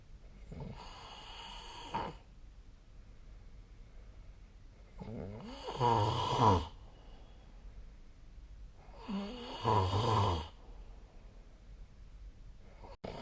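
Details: Sleep snoring recorded with the SnoreLab app on 2024/12/12: loud rattling snores on each in-breath, about 16 a minute, with quiet pauses between.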